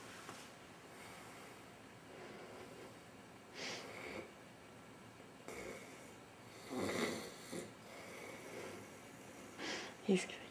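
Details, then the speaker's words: An adult man snoring loudly at night, keeping others awake: irregular snorting snores, roughly 19 a minute, with quieter breaths between and faint room noise. "gonna kill me. But he's so freaking loud. Who can sleep?"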